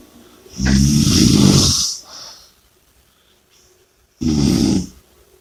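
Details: Two loud, rough snoring breaths with a softer noisy exhale between; heavy snoring during sleep.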